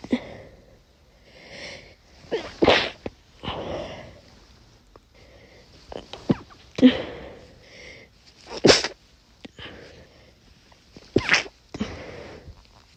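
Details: Sneezes during a cold with a very sensitive, itchy nose, some stifled: about four loud, forceful bursts with softer stifled ones and sniffs between; sneezing.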